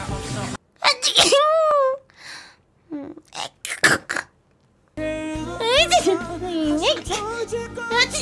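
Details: Unusual sneeze from a person who wonders if she has caught a cold: a high, squeaky, sing-song sneeze with wavering pitch, then short sharp bursts, over background music.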